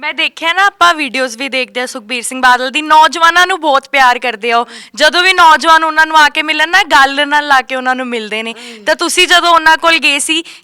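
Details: Adult speaker (interviewer); Typical speech.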